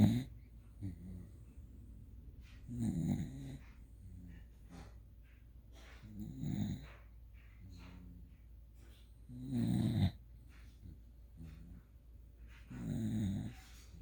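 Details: Asleep with head buried in a person's thigh, snoring loudly: snuffling, rattling snores about every three to four seconds, roughly 18 breaths a minute, with soft snorts between them.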